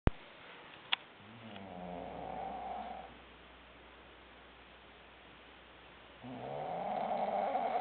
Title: RONCANDO.AVI